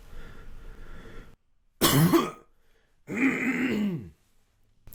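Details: An adult man diagnosed with muscle tension dysphonia gives two forceful, voiced, rough throat clears with brief pauses during a voice-release exercise; he notes such coughing causes vocal scratchiness.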